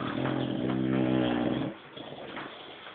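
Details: Snoring during sleep.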